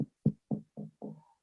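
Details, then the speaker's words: Chest percussion demonstrated on the examiner's own chest in a blunt chest trauma teaching context: resonant percussion note, indicating a full, expanded lung. "That is percussion. That's resonant. I know my lung is full and expanded."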